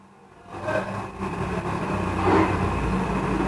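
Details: Romsons Angel nebulizer compressor (respules machine) starting up and settling into a steady buzzing motor hum with a faint rattle; nebulizer compressor running.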